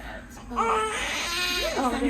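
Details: Baby girl just born at 40 weeks 6 days: strong, high-pitched wavering cries with voices nearby; a vigorous normal newborn cry, described as sounding really good.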